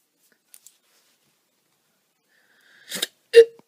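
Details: Woman gives two abrupt, loud hiccups in a quiet room, sudden gulping bursts, the second with a brief voiced 'hic'; hiccups (singultus).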